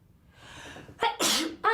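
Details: Celebrity sneeze compilation: a rising breathy intake, then a sharp voiced burst and a loud explosive sneeze, followed by a brief voiced sound.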